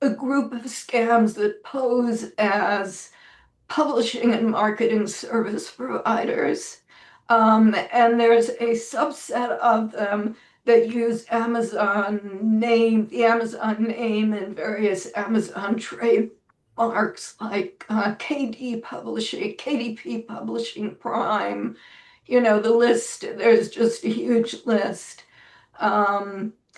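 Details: Adult woman with spasmodic dysphonia, self-reported; severity varies from day to day and she says this recording is on a not particularly good day; real, not acted; spasmodic dysphonia.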